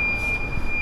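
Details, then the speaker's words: Steady high electronic tone over low room rumble: an IV infusion pump alarm still sounding in a hospital room while a patient, Daisy, receives an IV saline drip after food poisoning that worsened. "the alarm's still going off so I guess I'll uh call the nurses again"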